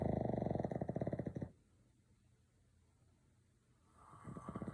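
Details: Snoring during sleep: rapid fluttering, rattling snores on the breath, then a quiet pause and another fluttering snore; vibrating snoring.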